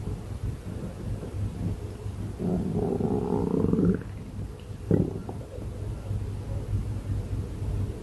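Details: Stomach growling: a drawn-out rising gurgle and a brief squeak from the belly over steady low rumbling noise.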